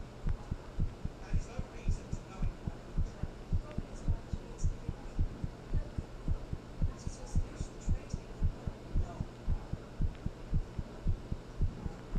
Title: Heartbeat Sound | “Thinking About You” | Black screen version